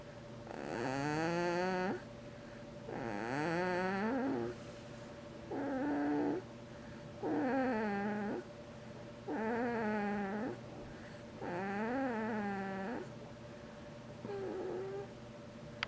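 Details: Snoring at around 9:30 a.m.: loud, regular snores with a whiny, musical tone, about 29 a minute, over a steady background hum.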